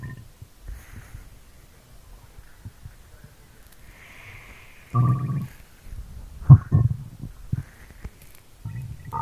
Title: stomach sounds asmr, stomach growling asmr | 2022-04-23